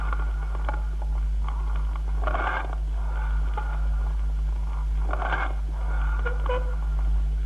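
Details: Cavernous breathing on chest auscultation, from a classical lung examination teaching recording.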